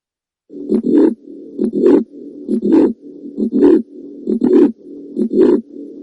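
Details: Heart murmur.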